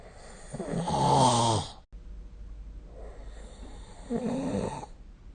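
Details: Snoring recorded with the SnoreLab app: two loud, rough snores on breathing in, with quieter breathing between them; typical sleep snoring.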